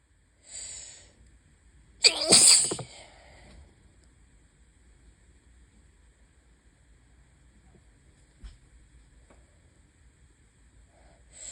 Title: High pollen + open window = lots and lots of sneezes (bad allergy day 1/5)